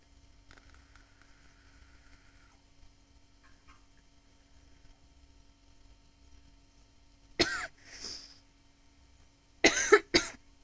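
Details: Adult redhead woman's smoker's cough during a smoking session: long exhaled breath after a deep drag, then a short burst of harsh, throaty coughs.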